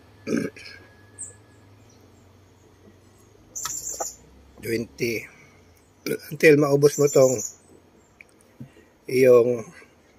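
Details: Several short, low, throaty belches with quiet pauses between them; repeated belching linked to acid reflux and a full-feeling stomach.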